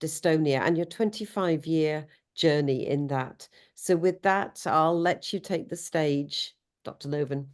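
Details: Adult speaker; normal speech.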